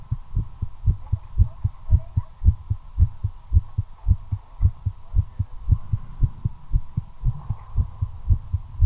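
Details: Own heartbeat recorded during cigarette smoking, accelerating from nicotine: rapid, regular lub-dub beats at roughly 113 a minute over a steady background hum; tachycardia.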